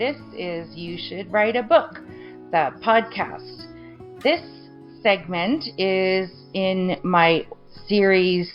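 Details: Broca's aphasia after stroke injuring the Broca region of the brain; choppy, garbled, unfluid speech with word-finding difficulty.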